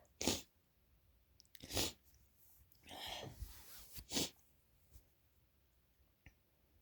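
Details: Uncovered and stifled sneezes late at night with no tissues at hand: about four sneezes in a quiet room, some open and explosive, others muffled and held back.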